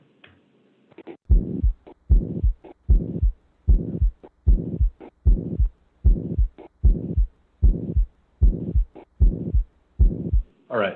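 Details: Pediatric cardiology teaching recording of limited audio quality: regular, long, harsh whooshing sounds at about 76 a minute replace the usual lub-dub, fitting the holosystolic murmur of a ventricular septal defect.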